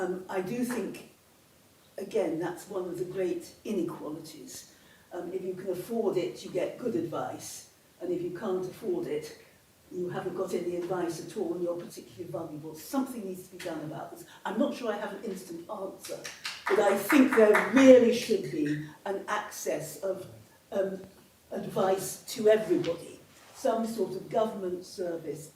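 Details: Adult speaker; normal speech.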